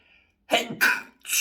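After a quiet moment, a loud explosive burst, then a second one, with the start of another, fitting sneezes.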